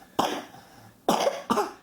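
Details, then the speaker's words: Male coughing, reportedly coughing all last night: three short, harsh coughs in a quiet room, one then a pair. "Now he's coughing towards you. But all last night, coughing right in my face. Do you believe that?"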